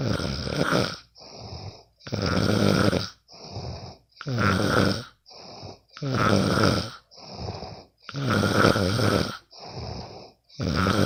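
Loud, rattling snores on each in-breath with quieter out-breaths between, about 10 breaths a minute: snoring during sleep.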